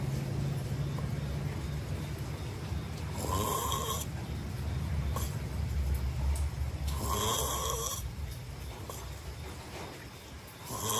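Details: Loud, steady, low rattling snore from a sleeping adult, with occasional brief hissing noises in the room; snoring.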